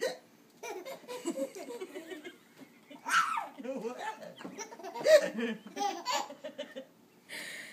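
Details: Infant boy laughing at his own hiccups: short, sharp hiccups mixed with bursts of giggling, his chest moving deeply; ordinary hiccups.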